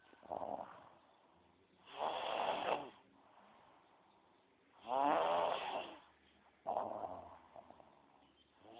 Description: craziest snore ever